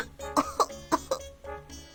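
Four short, sharp cough bursts in quick succession, acted as a child patient's cough during pretend doctor play, with steady background music throughout.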